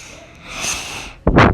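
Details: Single sneeze from a person who says they have hiccups: a rising hissing in-breath followed by a loud explosive burst.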